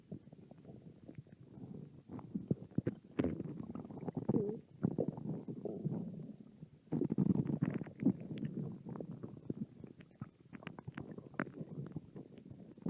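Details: Two hungry American women's stomach growling: long, irregular gurgling and rumbling from the belly, rising and falling in bursts; hunger borborygmi.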